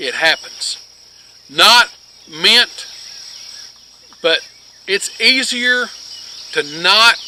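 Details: Adult man with long-standing multiple sclerosis who reports scanning speech with frequent pauses and word-finding difficulty that made him quit teaching physics; scanning speech (ataxic dysarthria).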